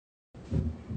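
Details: Normal heart sounds played on Harvey cardiology patient simulator during physician assistant student training, faintly audible in the background before listening at aortic, pulmonic, tricuspid and mitral areas; simulated normal heart.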